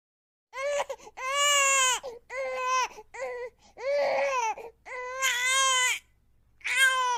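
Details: Infant crying: repeated strong, sustained wails separated by short breaths, from a sound-effect recording.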